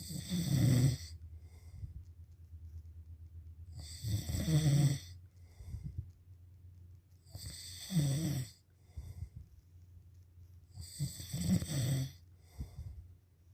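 Loud, rattling snores on each breath in, about 17 a minute, with quieter breathing out between them: snoring.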